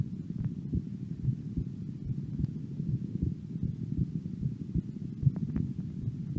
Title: 18 years old female resting heartbeat